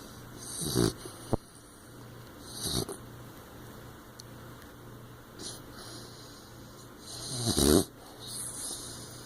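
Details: Sleeping 15-week-old blue nose pit bull puppy, eyes open: irregular snorting snores with a couple of loud rough bursts between quieter breaths; ordinary sleep noises.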